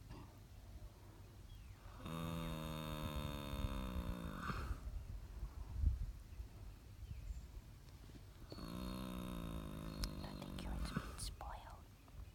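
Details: Sleeping on the mother's lap: two long, buzzing, vibrating inhalations about six seconds apart with quieter breathing between; loud snoring.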